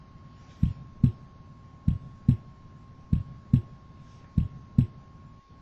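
Simulated heartbeat, about 48 a minute, each beat a crisp single first and second sound with no splitting. Normal heart sounds, with a faint steady hum behind.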